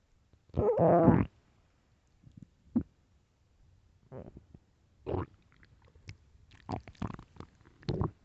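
A loud, long gurgling growl, then several shorter rumbles and squelches: ordinary bowel sounds from gas and fluid moving through the gut.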